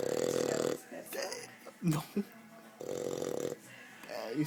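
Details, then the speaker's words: 4-month-old Old English Bulldog puppy snoring in his sleep at home: two loud, buzzing, rattly breaths a couple of seconds apart with quieter snuffles between, then he wakes himself up. "He's snoring loud. He woke up. He woke himself up."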